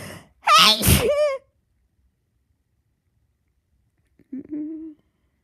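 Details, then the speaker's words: Person half-asleep after taking sleep medication, sneezes induced by tickling the nose: one big voiced sneeze with sharp intake and burst, then silence and a short soft vocal sound; sneezing. "I keep sneezing. I'm tired. I sneeze."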